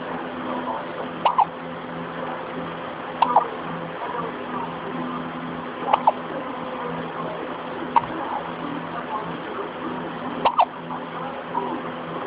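Five or six short, sharp hiccup sounds about two seconds apart, several doubled, over a steady low hum in a quiet room.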